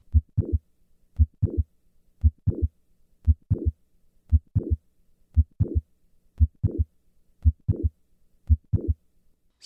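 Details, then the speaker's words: Classic mitral valve prolapse recorded at the apex, about 58 per minute: mid-systolic click followed by short late systolic murmur, with standing and squatting maneuvers repeated with the murmur restored. "now I will repeat these Maneuvers with the murmur restored squatting"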